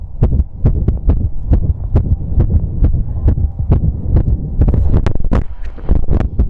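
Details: Visible apex heartbeat recorded while pressing on the chest outdoors after exercise: loud, fast beats at about 136–138 per minute with some handling noise. Quickened heartbeat after exercise.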